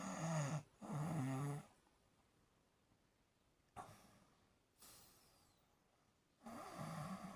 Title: snoring 🤣🤣🤣